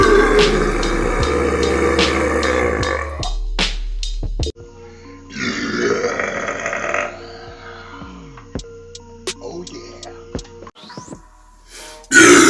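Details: Several loud, drawn-out belches from a burp compilation, each a low rumbling gulp of released air, over background music.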